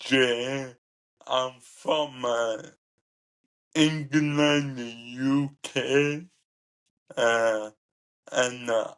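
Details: Ataxic dysarthria in a 27-year-old man with cerebral ataxia, present from birth and diagnosed at about 15; he describes it as degenerative, affecting his coordination, talking, movement and daily tasks.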